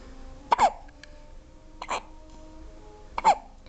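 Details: Infant twins alternating hiccups: three sharp, brief voiced hiccup sounds about every 1.3 seconds from an infant in a quiet room.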